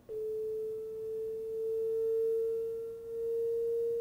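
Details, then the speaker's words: AED in training mode during a hands-only CPR demonstration: after analysing the rhythm and advising a shock, a steady, slowly rising electronic charging tone with the "stand clear" prompt. "analyzing heart rhythm do not touch the patient shock advised charging stand clear"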